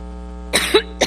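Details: Adult woman having a coughing fit while speaking publicly: two or three short, harsh coughs in quick succession over a steady electrical hum, followed by her saying "excuse me".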